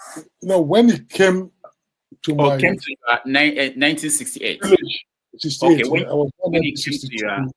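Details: Stuttering in an adult man who attributes its childhood onset to trauma from the Biafran war; he says its severity varies, sometimes endurable and sometimes not.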